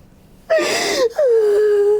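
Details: Sudden voiced gasp with a high, sliding whimpering tone, then a longer drawn-out groan, from a woman lying on her side during hands-on fascia healing with chiropractic adjustment; gasping.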